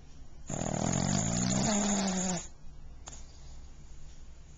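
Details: Snoring pug recorded with a Flip Video camcorder: one loud, rattling snore from a sleeping flat-faced dog, with a whistling rise near its end.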